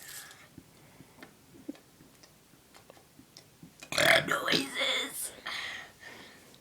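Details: Loud, drawn-out, rumbling voiced belch with a few trailing gulps after quiet room noise; a deliberate, voluntary burp.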